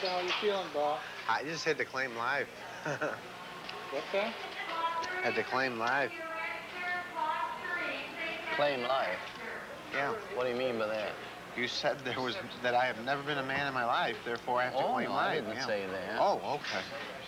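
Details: 35-year-old man with severe schizophrenia, ill for 17 years, with extreme thought disorder, saying grace at dinner; disorganized speech (thought disorder).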